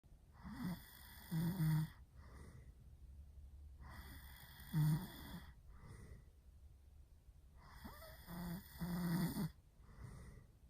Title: boyfriend snoring REALLY loud